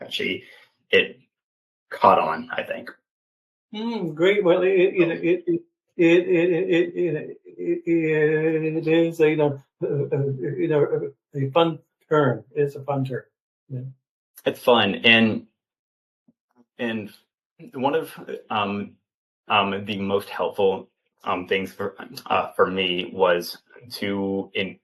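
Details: 28-year-old man, an open stutterer who had speech therapy from elementary through high school, speaking in an interview; stuttering.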